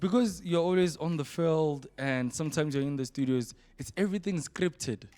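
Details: Adult speaker in interview; ordinary speech.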